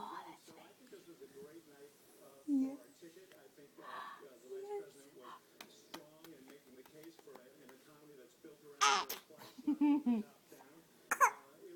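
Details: A baby's cough while she tells her mother about her bad cough.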